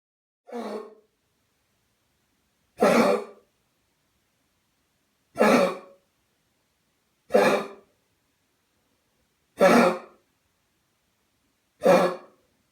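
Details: Dog with kennel cough (infectious tracheobronchitis) giving six harsh, honking, throat-clearing coughs at regular pauses; kennel cough.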